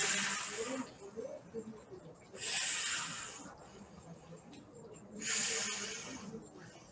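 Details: Vesicular breathing contrasted with bronchial breathing during respiratory examination teaching: soft rustling breaths, longer on inspiration and fading on expiration with no gap, about 22 breaths a minute.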